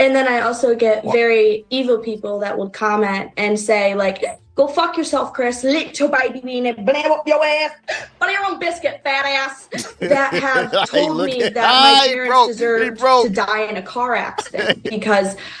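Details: Adult woman speaking; Tourette syndrome (vocal tics).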